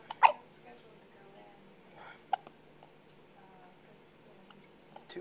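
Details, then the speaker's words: Baby boy with hiccups before feeding: a sharp, brief hiccup followed by a softer repeat a couple of seconds later, faint room noise. "Okay. Let's go see if we can get rid of the hiccups so you can eat."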